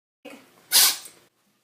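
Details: Cat sneezing, owner suspects a cold: a brief soft intake, then one sharp, hissing burst of air, a single sneeze.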